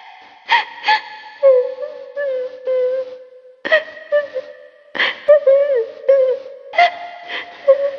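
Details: Performed sneezing in a secretary role: drawn-out squeaky voiced build-ups, each ending in a sharp burst, repeated about five times; a series of sneezes.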